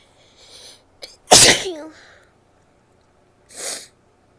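A short intake of breath, then one loud explosive sneeze, followed a moment later by a brief puff of air through the nose.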